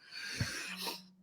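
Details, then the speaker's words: Adult man with a small airway after multiple surgeries while growing up, and a raspy voice: a single harsh, audible noisy breath with a faint low tone from the narrowed airway. "bly can hear my air breathing I have a pretty small Airway I've got had a bunch of surgeries growing up"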